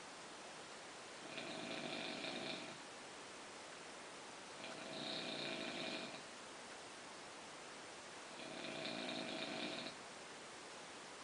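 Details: Snoring during sleep: three rough, regular nasal snores about every 3.5 seconds, roughly 17 breaths a minute, under steady hiss.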